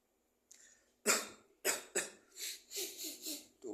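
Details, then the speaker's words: Simulated heavy cough in a comedy skit: about seven harsh, heavy coughs in quick succession; character claims shortness of breath after swallowing clove-cigarette tobacco. "Ta, beb, ini saya lagi batuk berat nih, Beb. Iya, sambil ada sesek nafas gitu, Beb."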